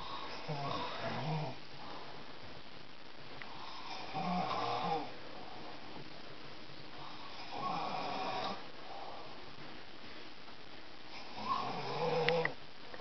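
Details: Man who thinks he doesn't snore, sleeping: rough, fluttering snores on each breath at about 17 a minute, with quiet pauses between.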